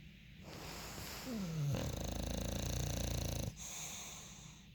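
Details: A loud, rumbling, vibrating breath with a whistling edge, followed by quieter airy breathing, from a sleeping bulldog: dog snoring.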